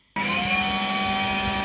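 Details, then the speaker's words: Early prototype open-source turbine-based ventilator on bench power, pressure support mode, peak pressure about 5 cmH2O, inspiratory time 1.5 s: steady high motor whine with constant hum starting abruptly; ventilator blower running. "as you can see this is the pressure support mode of our the ventilator and is maintaining the peak pressure is about five centimeter h2"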